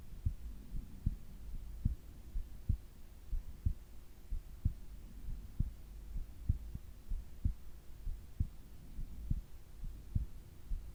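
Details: Heart and breathing sounds recorded during sleep: soft, low heartbeat thumps at about 62 a minute under a steady hum; normal heart sounds.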